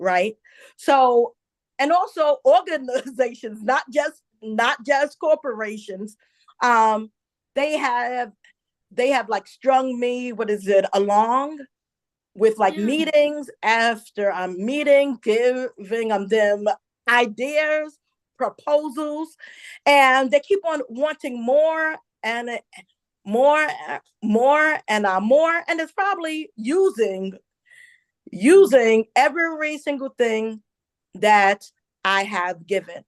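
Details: Adult woman, a self-described stutterer who stuttered a lot as a child, also reports a traumatic brain injury from a 2012 accident; stuttering.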